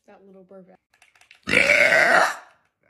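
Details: Loud burp from a compilation of super loud burping and hiccups: a brief voiced sound, then one long, loud, rumbling belch lasting about a second; ordinary burping.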